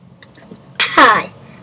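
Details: Young boy sneezing: a brief inhaled build-up, then a single loud, voiced sneeze burst.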